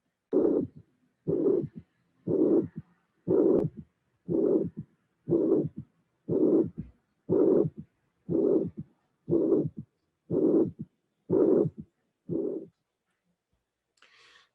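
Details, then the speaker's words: Mitral regurgitation with a third heart sound, regular beats near 60/min: long blowing systolic murmur followed closely by a short low-frequency thud right after the murmur; teaching recording. "from this moment on you will have might registration and the third sound please appreciate the low frequency sound immediately after the murmur close your eye and concentrate on that"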